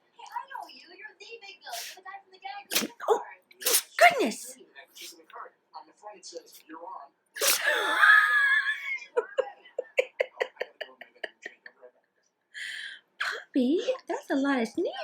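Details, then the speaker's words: Female puppy has a sneezing fit: a run of sharp, repeated sneezes and snorts in quick succession, with a person's voice nearby. "You okay? Are you done? You done? Huh? Are you done? You are? Yeah, sweet girl. You really have the sneezes."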